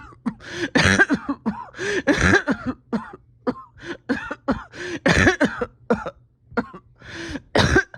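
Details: Painful coughing in repeated harsh, strained irregular bursts with gasping breaths between, in a patient with a tight chest after a rough weekend, oxygen levels holding steady.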